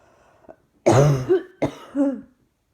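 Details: Two harsh, forceful coughs in quick succession, each with a throaty tail, in a quiet room, with throat and chest pain reported; cough.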